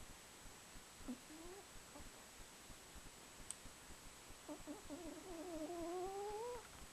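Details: Buffy, a female cat, snoring while asleep; she rarely snores, and her owner blames the recent cold weather.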